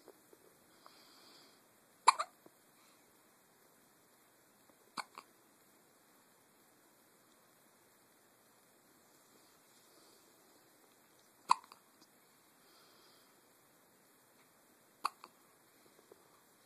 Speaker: Somebody has the hiccups.